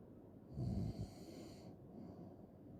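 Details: A single brief, low rattling snore over steady background hiss, from a loud snoring ASMR recording; snoring.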